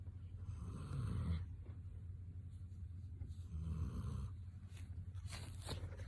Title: Snoring Border Collie